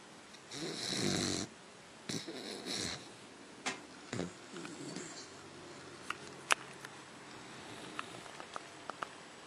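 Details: A few soft, breathy snoring sounds from a sleeping pet, Lainey, sound asleep, fading into quiet room noise with small clicks.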